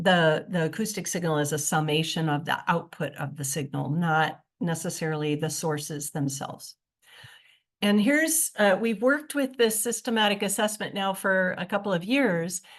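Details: Fairly classic adductor laryngeal dystonia without vocal tremor, with intermittent voice stoppages and a strain-strangled voice quality.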